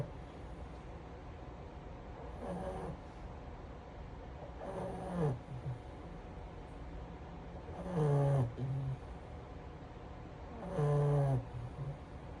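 Rhythmic low rattling snores from a small flat-faced dog, about 20 a minute, over steady room hum.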